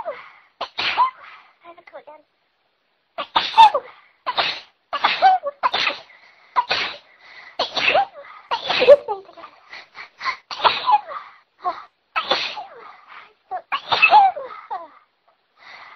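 A rapid run of sharp, explosive bursts in quick succession, some with voiced gasps between: repeated sneezing.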